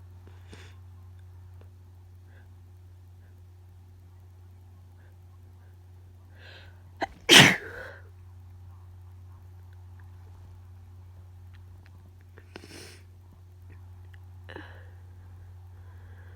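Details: One loud wet forceful sneeze after a short in-breath, then quiet room noise and faint sniffs; nose very tickly with wet, powerful itchy sneezes of unknown cause.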